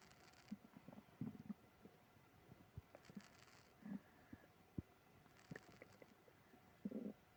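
Quiet, scattered gurgles and low rumbles with faint clicks over several seconds, consistent with active stomach growling.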